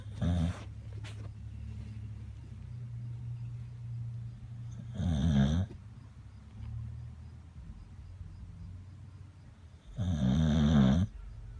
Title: Mr. Meaty snoring